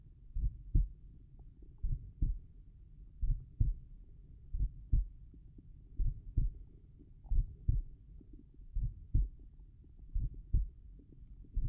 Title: Slow tricuspid valve heart sounds